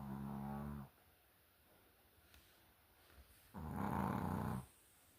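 Two loud, deep, vibrating snores about three seconds apart, with quiet pauses between breaths: typical snoring.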